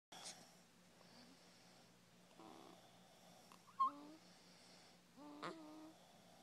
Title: snoring